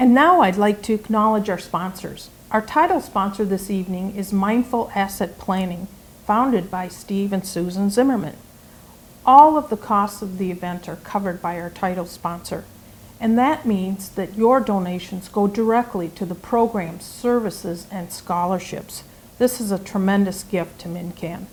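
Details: Adult woman speaking; typical speech.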